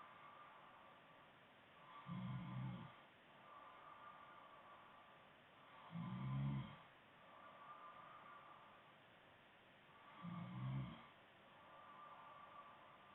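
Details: Girlfriend snoring during a stream: three low, rattling snores on the in-breath, about four to five breaths a minute, over steady room hum.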